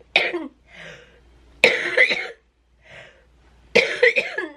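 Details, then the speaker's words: Three harsh, loud coughing bursts with brief quieter breaths between, in a woman with cystic fibrosis; a sudden coughing fit while sitting watching a show, after which she struggled to get a breath back in. "we were just sitting here watching a show and all of a sudden start coughing and then she like whipped around like something was wrong she couldn't get a breath back in"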